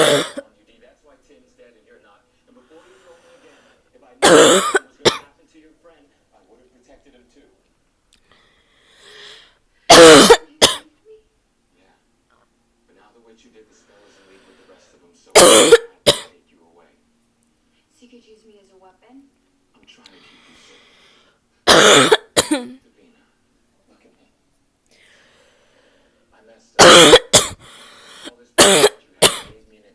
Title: barking cough (f)